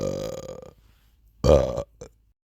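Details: Two deep, drawn-out voiced sleepy burps and a short trailing one; burping.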